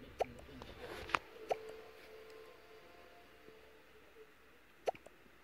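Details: A coatimundi with hiccups: four short, sharp hiccup clicks at irregular intervals over quiet room noise; hiccups.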